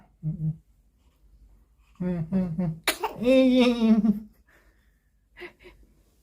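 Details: Newborn baby boy's first recorded sneeze: a sudden sharp sneeze burst followed by a brief voiced sound; ordinary infant sneeze.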